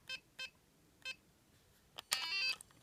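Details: Three short electronic beeps then a longer tone sequence from an ORION laser therapy device used at home on a cat with a recurring spring cough, believed allergic, in a quiet room.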